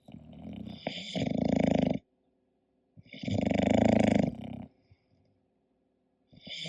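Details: English bulldog sleeping and snoring: loud, rattling snores on each breath in, with quiet pauses between; typical flat-faced dog snoring.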